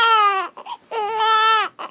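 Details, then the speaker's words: Two-week-old baby boy, awake and in a bad mood, gives two loud, high-pitched wailing cries separated by short gasping breaths; parents call it his milk cry, hungry for milk. "You hear that little cry? Is he doing the milk cough? Oh, that's the milk cry. That's the milk cry."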